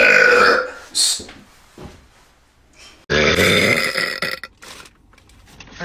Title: Tiktok Girl Burp Compilation - 5